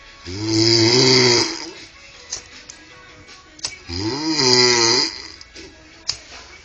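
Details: Drunk man snoring loudly after a drinking binge.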